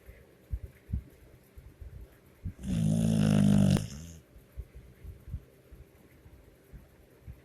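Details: A sleeping three-year-old pit bull gives one loud, low, rumbling snore on the in-breath with quiet breathing around it, loud enough to wake the owner; dog snoring.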